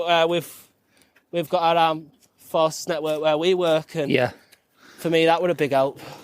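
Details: Adult male veteran with a stammer he masks well; it varies from days without stammering to periods of stammering and is usually worse on the phone; stuttering.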